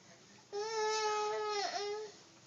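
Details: Young child, one of triplets, during a paediatric chiropractic adjustment: a single sustained, tonal crying wail lasting about 1.5 seconds, with a brief break in the middle.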